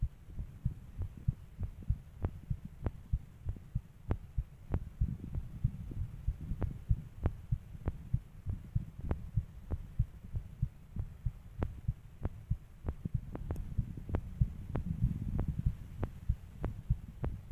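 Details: Fast heartbeat: steady, low thumping at about 95–100 beats a minute over a faint hum.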